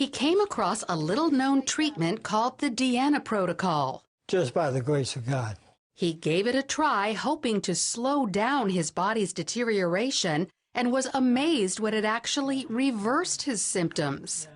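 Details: Adult female narrator; Normal speech.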